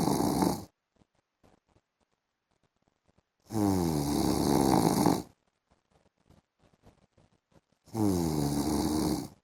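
Loud, buzzing, rattling snores on each breath in, about every four seconds, with near silence between: heavy snoring.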